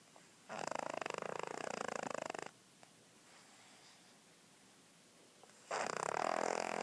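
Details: Snoring: long, buzzing, fluttering snores on each breath, about twelve breaths a minute, with quiet pauses between.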